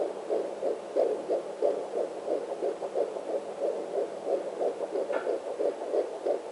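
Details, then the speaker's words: Fetal heartbeat on a home Doppler, probe placed low on the abdomen past the placenta: rapid, regular whooshing beats around 170-180 a minute with steady background hiss. "there we go say he's usually in the 170s so you can hear it's fast very distinct sound"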